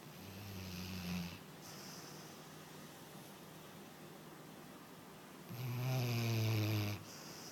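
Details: Snoring: two loud, low, rattling snores several seconds apart, with a quiet gap between them and faint room hiss.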